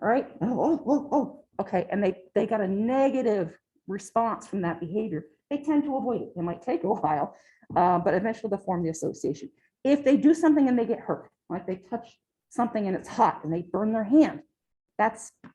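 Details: Adult speaker; ordinary speech.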